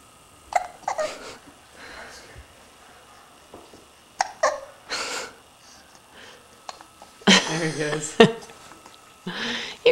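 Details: Hiccups: several short, abrupt catching sounds scattered between soft voice and laughter-like noises.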